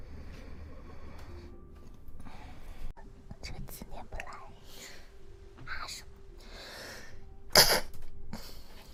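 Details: Adult Chinese woman with allergy: soft breathy sounds and quiet room noise, then one sharp, forceful wet sneeze near the end; allergic sneezing.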